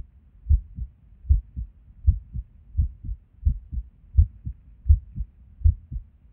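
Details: Resting heartbeat recorded at Erb's point while sitting at a desk: low sounds about 80 a minute, uneven spacing between some beats; irregular heartbeat with skipped beats.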